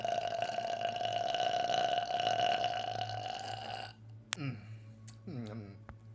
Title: Lipton burp